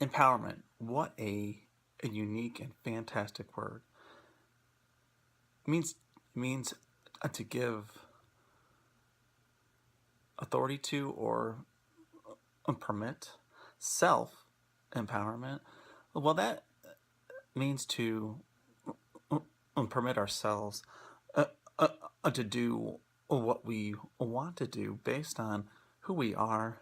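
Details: Person who stutters, presenting on acceptance and commitment therapy (ACT) for stuttering; stuttering.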